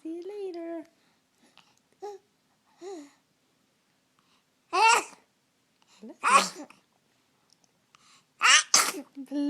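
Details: Smiling baby who has just been fed, babbling softly, then three sharp, explosive infant sneezes, each with a short breath before it.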